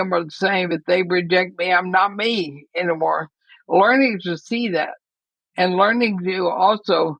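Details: Woman near 80 diagnosed with ALS (Lou Gehrig's disease), who says she already has quite a bit of trouble speaking but is still intelligible; dysarthria (ALS).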